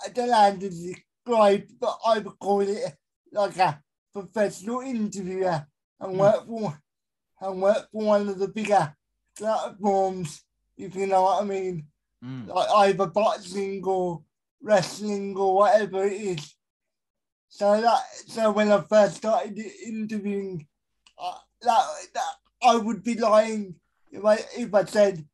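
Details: Adult male with a severe type of cerebral palsy; dysarthria (cerebral palsy).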